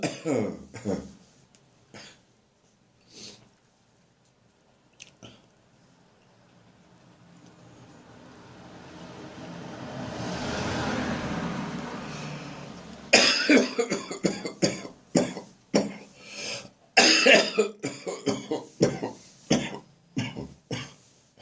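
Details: Adult with a winter cold coughing in the morning: a harsh, throaty, sometimes painful cough that often makes them gag, with throat clearing and traffic noise in the background.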